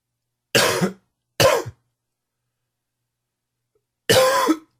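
Three harsh, throaty coughs, two close together and one after a pause; a smoker's cough.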